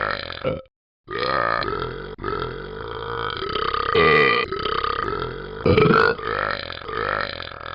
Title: Talking Ben burping abc's